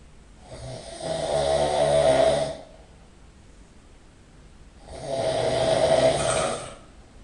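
Two loud, rattling snores with quiet pauses between them, about 17 a minute: snoring.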